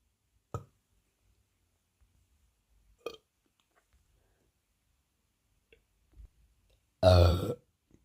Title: gassy stomach with deep gassy burps after big dinner!